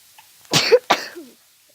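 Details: Seasonal allergy sneezing fit during an intense day of sneezing: two quick explosive bursts with a brief voiced tail, a short sneeze pair in a small room.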